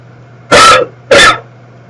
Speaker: excuse me I need a cough button so that you don't have to hear that